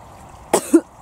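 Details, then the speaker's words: Single two-part cough, a sharp burst then a shorter voiced phase, quiet room, from a woman on breast cancer treatment with a lung infection and fluid awaiting drainage, just started a week of antibiotics. "so hopefully this cough will start to ease off and hopefully the lung drainage will be happening sometime soon"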